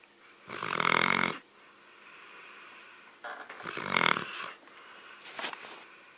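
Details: Adult woman snoring: loud rattling snores on the in-breaths with quieter out-breaths between, about 20 breaths a minute; ordinary snoring.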